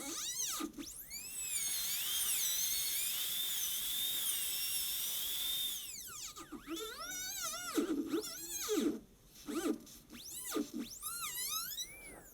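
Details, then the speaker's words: High-speed dental handpiece run dry on a model tooth #18, leaning lingual to refine the lingual isthmus wall for a gold onlay preparation: high-pitched whine rising and dipping in pitch as it cuts, with brief pauses. "now i'm going to refine the wall so i'm going to i'm going to refine the lingual wall of that isthmus so i'm going to lean lingual a little bit with my handpiece"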